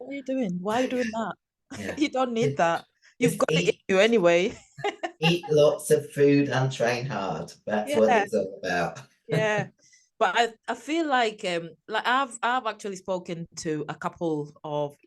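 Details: Adult speaker; normal voice.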